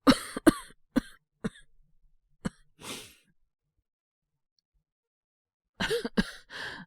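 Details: Acted cough voice of a young man with a cold, woken at 3 a.m. by coughing fits: a bout of about seven sharp, dry coughs, a pause, then three more in quick succession.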